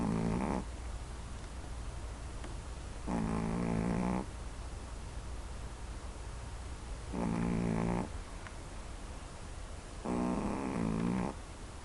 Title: Can u stand 1 minute of Coco Snoring